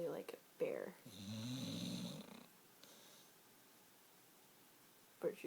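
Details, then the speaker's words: Pit bull dog asleep on a couch: a single deep, rumbling snore lasting about a second, with brief human talk before and after; the owner says it gets worse as she sleeps. "show couch that's my dog snoring self"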